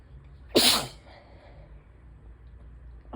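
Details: Adult during a suspected allergy attack, with stuffy nose, sore throat and chest symptoms of asthma for days: a single sharp, forceful sneeze in a quiet room. Sneeze.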